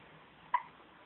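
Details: A single soft, sharp hiccup from a sleeping cat, heard against faint room hiss.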